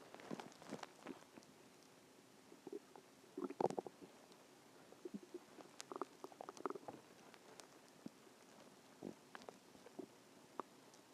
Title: stomach growling 1